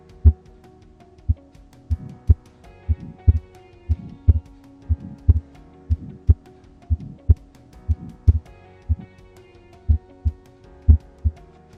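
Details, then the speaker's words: Simulated young person with vigorous circulation: heart sounds near 60 a minute with a soft systolic flow murmur across the pulmonary outflow tract, best heard at the second left intercostal space; innocent systolic murmur. "murmur is generated across the pulmonary outflow tract in a young person with a vigorous circulation turbulent systolic flow across the pulmonary outflow tract generates the murmur that is best hurt in the second left intercostal space"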